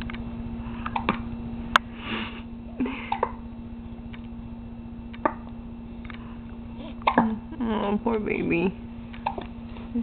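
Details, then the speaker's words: Baby who gets hiccups constantly, even in the womb, having hiccups: several brief, sharp hiccup sounds with a steady hum and soft vocal sounds in the room. "here's our little hiccup Queen having the hiccups again she gets the hiccups a"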